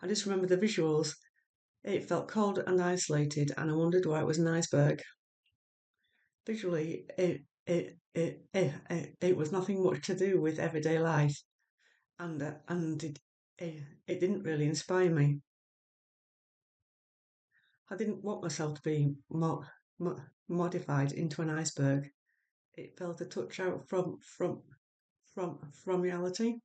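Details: Stammering in an adult woman who has had speech and language therapy.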